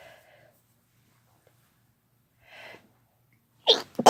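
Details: Ordinary sneezing from a female and a male, no talking: quiet indrawn breaths, then a sharp explosive sneeze and a brief second burst.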